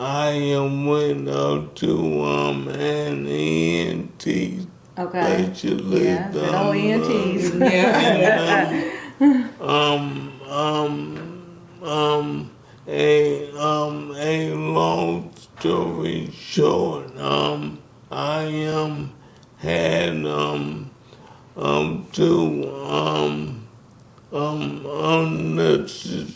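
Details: Man with ALS, diagnosed 2020, symptoms since 2017, onset affecting speech starting with a raspy voice; wife says he can speak but with a little delay; dysarthria (ALS).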